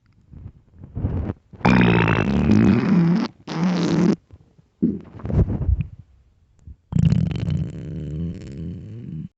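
Long, loud rumbling and gurgling bursts separated by pauses; stomach growling from hunger, a normal finding.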